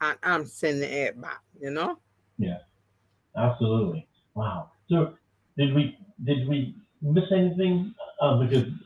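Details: Adult speech, possibly two people talking; ordinary conversational speech.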